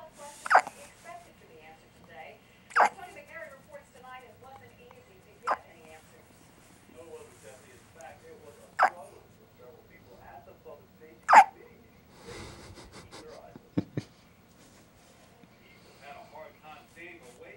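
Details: One-day-old baby with hiccups lasting about six minutes: short abrupt catching sounds every two to three seconds with soft baby noises between; infant hiccups.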